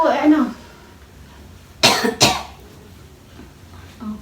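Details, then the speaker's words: Demonstrated controlled coughing exercise for clearing sputum: brief speech, then two short, sharp voluntary coughs in quick succession; patient told to rest and repeat once or twice if no sputum. "if there is no sputum encourage the patient to take a break and repeat the controlled coughing once or twice"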